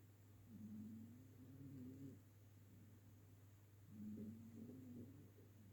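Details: Ginger cat asleep on a sofa, snoring loudly enough to be heard across the room. Two soft, low, buzzing breaths about three seconds apart over a steady hum.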